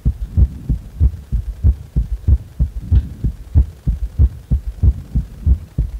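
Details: Normal heart sounds at rest, lying on the back: loud, regular lub-dub heartbeat at about 94 beats a minute.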